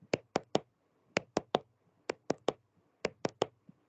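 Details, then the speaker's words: Tapped imitation of a heartbeat with three sounds per cycle, an added third heart sound (S3); at rates over 110 beats per minute in an agitated patient this mimics a horse's gallop, gallop rhythm, pathological. "y ese ruido simula el galope de un caballo por eso se llama ritmo de galope cuando escuchamos tres ruidos cardíacos a una frecuencia de más de 110 latidos por minuto"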